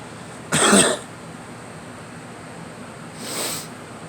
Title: Me coughing